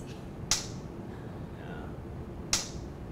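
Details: Transcranial magnetic stimulation demo with the coil over a volunteer's motor hand area, causing subtle finger twitches: two sharp loud clicks about two seconds apart, each a single magnetic pulse from the coil, over quiet room noise.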